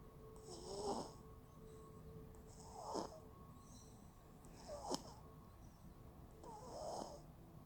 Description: This was the first time our little one started to snore while she slept and it was so cute we had to record it.